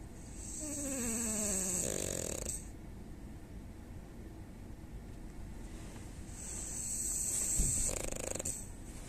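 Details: French bulldog snoring: two loud, drawn-out, rattling and whistling snores separated by a quiet pause.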